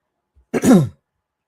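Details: Adult man with a sore, scratchy throat and voice loss, feeling cold and sweaty, gives a single short, harsh throat-clearing cough in a quiet room; cough and throat clearing.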